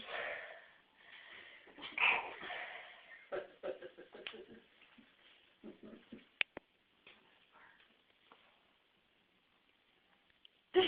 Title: sneezing lol